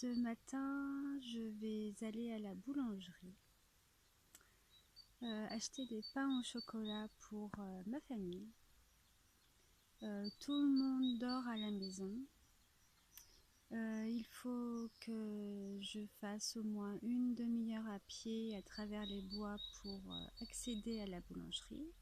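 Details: Adult French-speaking woman with a stutter who applies a technique learned with a speech therapist and finds it hard not to stutter while walking; stuttering.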